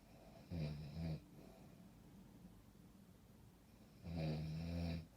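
Two loud, low, rattling snores about three seconds apart, with quiet breathing between them. Snoring.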